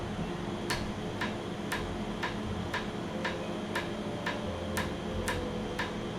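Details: Laser tattoo removal on a numbed patient at a first treatment, reds left for the next session: crisp ticking snaps about twice a second over a low room hum as the laser pulses.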